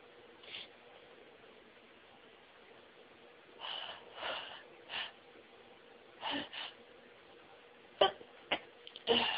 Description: Another one of my sneeze fits. It started off fairly slowly but I threw some stifles in and they always make the tickling and tingling in my nose so much more intense and the sneezing became really rapid and really took my breath away.